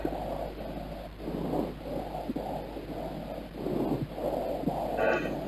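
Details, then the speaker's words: Stethoscope auscultation of the chest during whispered speech over a normal lung area: muffled, indistinct whispering with no words made out; normal transmitted whispered voice sounds. "نسمع كده، ده صوت الويسبرنج على نورمال اريا وده صوته على كونسوليديشن. نسمع النورمال اريا كده."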